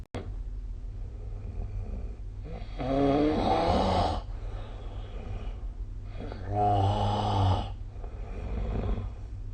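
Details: Sleeping adult's snoring recorded with the SnoreLab smartphone app: loud, rumbling snores on each inhalation, roughly four seconds apart.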